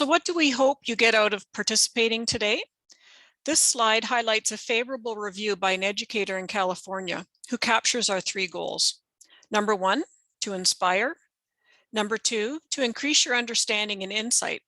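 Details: Adult speaker, narration; normal speech.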